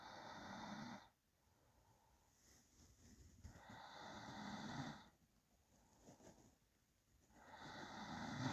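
Slow, even breathing at about 16 breaths a minute, with soft snoring on each breath in: light snoring during sleep.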